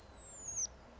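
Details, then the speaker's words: Sinuses squeaking during a sneeze in a marching exercise: a thin, high whistling squeak gliding slightly downward, then cut off with a brief puff of air. "you hear that did you hear it i held in my sinuses squeak when i sneeze"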